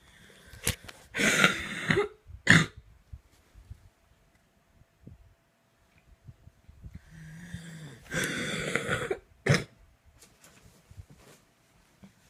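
Repeated harsh coughs in two clusters with rough, throaty bursts and pauses between: a coughing fit.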